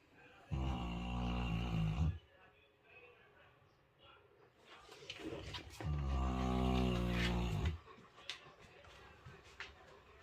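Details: Two long, deep, rattling snores a few seconds apart with quieter breathing and small noises between, from a subject knocked out in deep sleep; snoring.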